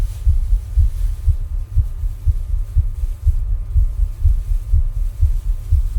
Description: My heart sound while rebreathing with a plastic bag.